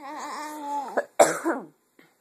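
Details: A drawn-out, cooing voiced sound, then one abrupt, harsh cough burst from an adult woman in a quiet room; a single cough.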